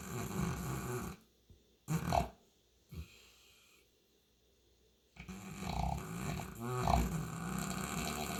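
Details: St. Bernard dog with heavy snoring: loud, rough snorting snores, irregular and broken by quiet gaps.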